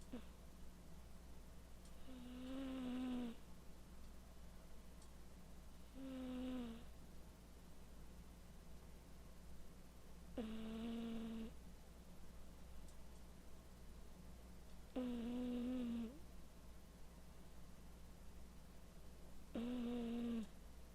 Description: My cat snoring while taking a nap